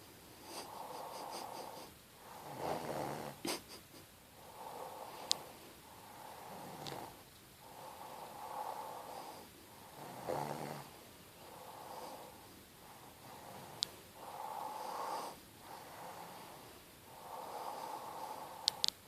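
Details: Adult woman snoring while asleep, who denies snoring: repeated rough noisy breaths rising and falling rhythmically with faint clicks in a quiet room.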